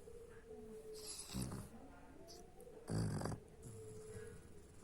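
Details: Two short, deep, snorting snores from a sleeping dog over a low room hum, with a faint steady tone in the background.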